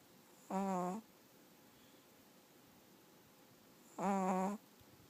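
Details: Chihuahua sound asleep: two short, high-pitched nasal whistling snores about 3.5 seconds apart, one with each breath, in a quiet room; snoring in a sleeping small dog.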